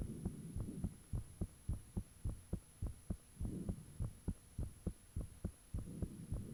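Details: Self-recorded heartbeat with fan off, taken shortly after the heart began feeling unusually thumpy: strong thumping beats about 100 a minute with steady high hum and whooshing behind; valve and blood-rushing sounds reportedly audible.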